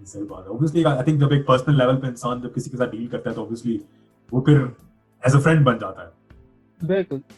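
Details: Adult man speaking; ordinary speech.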